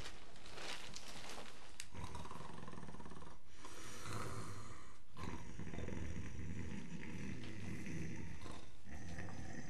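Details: Adult woman snoring at night in a jungle camp: heavy, rumbling low-pitched snoring rising and falling with each breath, broken by brief quiet pauses.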